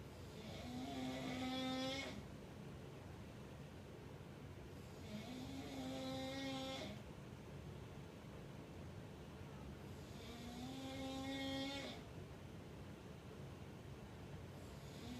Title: Why won't he stop snoring 😒🤔☹️